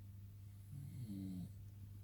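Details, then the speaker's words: A husband sleeping at night gives a faint, low, rumbling snore that rises and fades under faint room noise. "it's a clock in the morning guys husband is snoring you can hear him I don't believe it it's so faint but it's totally there"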